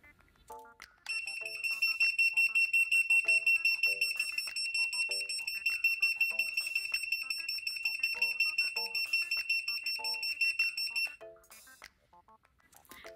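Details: Handheld home-use blue picosecond laser pen held a few centimeters from skin and passed over the nose area, then up the face: a high steady tone with rapid regular clicking pulses, about 160 a minute, over music; laser pen pulse tones.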